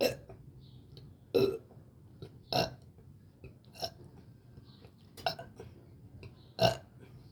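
Repeated loud burps, about five over seven seconds, with quiet pauses between; belching.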